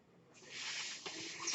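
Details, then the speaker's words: Ventilator-dependent adult man's mechanical ventilator heard while he speaks: a soft hiss of rushing air swells and holds as it delivers a breath. "That noise you're hearing is my ventilator."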